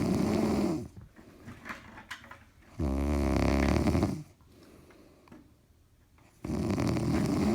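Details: Person sleeping and snoring very loudly: three loud, rough, rattling snores separated by quiet pauses of a few seconds.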